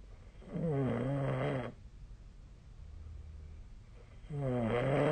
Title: 🐽 本日のイビキ / Snoring Sleep Sound 2025/01/18